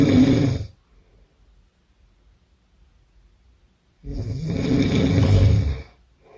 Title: 02 Hard snore